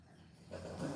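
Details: A low, rough, rumbling breath noise rises in the second half as a pet snores in the background; animal snoring.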